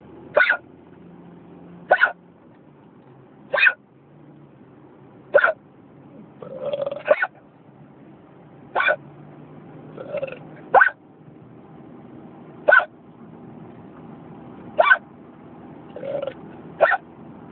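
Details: Hiccups in a car: sharp, brief, ordinary hiccups at fairly regular intervals, about ten in seventeen seconds, over quiet car noise.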